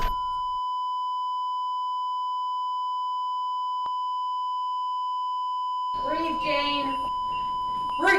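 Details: Simulated, artificially created and edited CPR audio of a woman in pulseless fibrillation with defibrillation: steady, unbroken high monitor tone throughout, brief voice-like sound near the end; cardiac monitor alarm tone.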